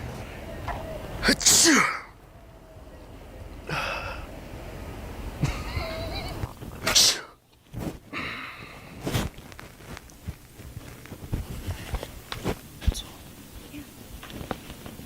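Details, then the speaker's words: Two loud sneezes with sharp bursts amid outdoor noise and brief talk, from a person in public who says something is in their nose; possibly faked as part of a prank. "Achoo. Oh. Achoo. Oh man. Huh? Are you sure you're good? Yeah, I'm good, yeah. I think there's something like in my nose."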